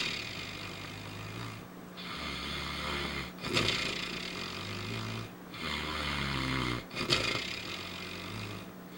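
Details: A father's slow, low rumbling snores with breathy pauses, about 17 breaths a minute, while Jordan sleeps on his belly, rising and falling; ordinary snoring.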